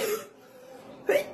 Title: crazy coughing spree// random post